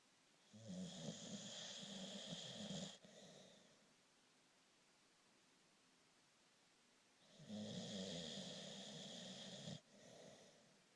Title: Snoring